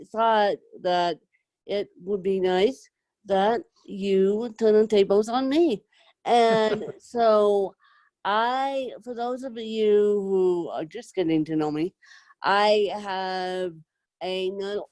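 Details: Adult woman with self-described moderate to severe cerebral palsy who needs help 24/7; dysarthria from cerebral palsy.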